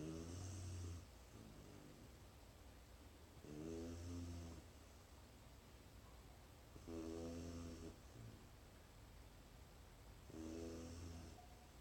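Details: Sleeping dog snores in regular rumbling bursts, four in about twelve seconds, roughly 17 breaths a minute, with quiet pauses between.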